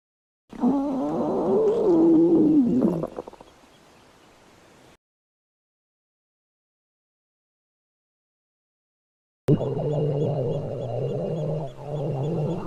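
Two stretches of loud, drawn-out gurgling and groaning rumbles from the belly, separated by silence; ordinary stomach growling.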